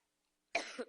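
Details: Coughing fit in an adult during a campaign speech in Iowa, with pauses for water and a throat lozenge.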